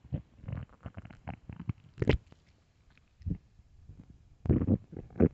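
Low rumbling and gurgling bursts come and go irregularly, some loud; stomach growling on an empty stomach.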